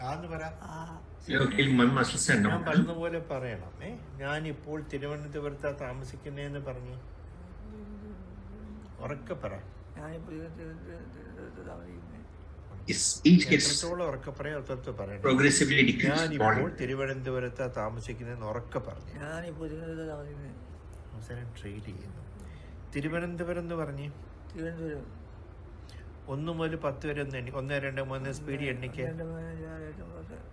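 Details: 65-year-old man with the PSP-Parkinsonism variant of progressive supranuclear palsy, with right hand clumsiness, falls and asymmetric akinesia; hypokinetic dysarthria with speech freezing.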